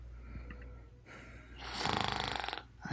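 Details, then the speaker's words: Simulated snoring acted in a comedy sketch about a girlfriend who snores: a loud, fluttering nasal snore over room noise, and the bed partner complains it is too loud to sleep. "hey buddy you snoring mad loud come on everybody snores all right but i'm trying to sleep it's mad loud"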